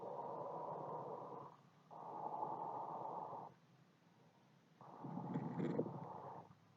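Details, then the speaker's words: Abnormal breath sounds from combined inflammation of the bronchi and alveoli: harsh, rough breathing with a low rumbling, crackly texture. "这是我们支气管再加上肺泡都发炎的声"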